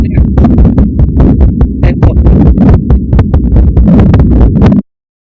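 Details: Normal newborn heart sounds from a teaching app's posterior (back) auscultation point: rapid, soft, regular heart sounds.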